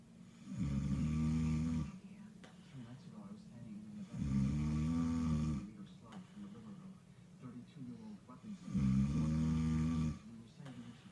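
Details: Adult man snoring, though he denies he snores: three loud, low, rattling snores on regular in-breaths, about 16 a minute, with quiet out-breaths between.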